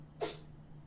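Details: Short, sharp, hissing sneeze from a pet cat over a steady low hum, heard while its owner plays and streams a video game; sneeze.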